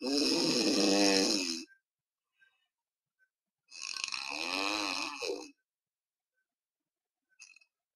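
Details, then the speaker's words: Drug-induced sleep endoscopy in a 32-year-old male, BMI 27.5, AHI 52.5 with mostly obstructive apneas; funnel-type, mainly anteroposterior collapse of the lower soft palate, no tongue base or epiglottis involvement; snoring with pauses in breathing during apnea. "This is called obstructive sleep apnea. For those who are seeing it for the first time, person stops breathing in between when he's snoring."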